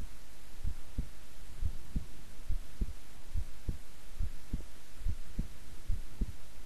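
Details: Normal, relaxed heart sounds recorded at length while the person kept still: steady, regular paired low thumps at about 70 beats a minute.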